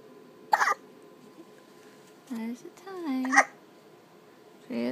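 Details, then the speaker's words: Two or three short, sharp voiced catches from a baby over quiet room noise at 3 in the morning; hiccups. "And we're hiccuping. Yeah. It's Mama and the baby. It's Mama and the baby and we're hiccuping at 3 in the morning."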